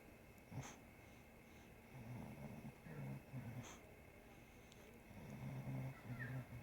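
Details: Sleeping Bulldog being licked by a three-legged cat: low rattling snores with each breath, several within a few seconds, with faint licking sounds. Snoring.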